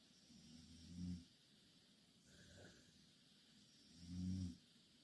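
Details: Snoring from two Korean girls sleeping in the same bed: two low rattling snores about three seconds apart, with a softer breath between, over steady room hiss.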